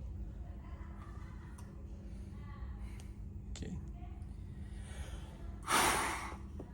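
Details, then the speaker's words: Role-played peak flow meter use: a 42-year-old man with moderate persistent asthma takes a deep breath, seals the mouthpiece and gives one short, hard, forceful exhalation, reading 500 L/min, within the stated 400–700 normal range. "Um, next is uh take a deep breath, seal the mouthpiece, and blow as high as possible."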